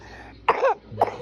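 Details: Two short, fairly light coughs from a child with a lingering cough after vaccination shots, the first longer with some voice in it, against quiet room noise; a mild cough.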